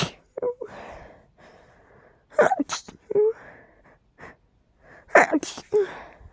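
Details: Pollen allergy sneezing with a tickly, stuffy nose: a short series of sneezes, each a quick indrawn breath then a sharp burst, with sniffs between.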